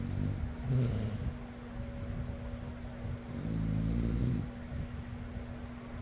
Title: fan noise + person snoring.